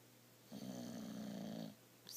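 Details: One drawn-out, buzzing breath lasting about a second against quiet room noise; snoring.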